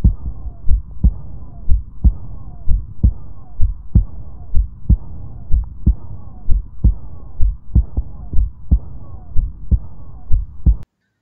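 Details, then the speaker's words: Aortic regurgitation: regular heartbeat at about 60 a minute with a soft, blowing early diastolic murmur after the second sound, which may be soft. "So what do you think, which murmur you heard in this sound clip? Yes, we have early diastolic murmur."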